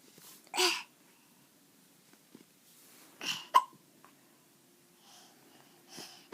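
Brief, abrupt breathy catches repeat every couple of seconds against quiet room noise, consistent with hiccups.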